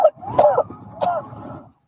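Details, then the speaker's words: Two or three harsh, voiced coughing bursts from a 25-year-old man, a disabled Army veteran, caught on his dropped phone during an arrest by federal agents; he is coughing from dispersed pepper spray; cough from pepper spray irritation. ">> You can hear him coughing from the pepper spray that had been dispersed."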